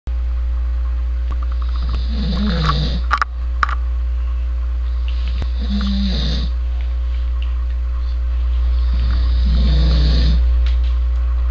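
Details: Man snoring very loudly after falling asleep on a couch: three loud, rough snores about every three to four seconds, steady low background hum.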